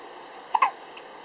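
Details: 19-day-old newborn with a run of sneezes and hiccups: small, sharp hiccup sounds, common and harmless at this age.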